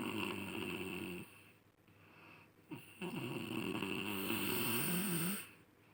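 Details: Person snoring while asleep: loud, harsh, rattling breathing sounds on inhalation with a quieter gap between breaths, some room noise.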